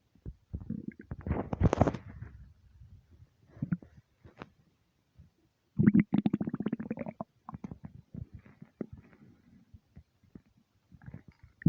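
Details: Gurgling, bubbling rumbles and low churning sounds in irregular bursts from an empty stomach; ordinary bowel sounds.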